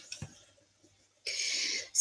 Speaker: I still have like a weird little tickle in my throat and but I am better now